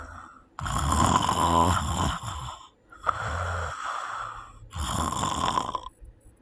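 Three loud, harsh snores in quick succession, each a rough rattling breath, fitting snoring with sleep apnea.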